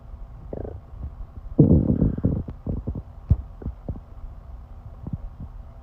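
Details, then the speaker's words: Stomach growling: low gurgling rumbles with a burst of bubbling and scattered pops, from a stomach-growl compilation with music in the background. "that was my stomach you know you know a feeling you get when a volcano is about to go off in your gut and you have no idea which ends gonna blow"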